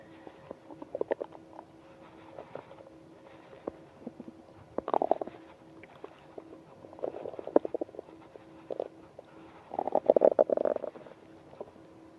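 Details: Morning hunger progressing to stomach ache: irregular gurgles, squeaks and rumbling bursts from the belly; stomach growling (borborygmi).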